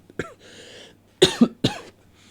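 A short throat clear followed by three quick coughs, dry and loud, then quiet.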